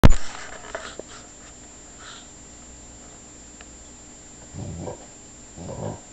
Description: This is how my dog snores.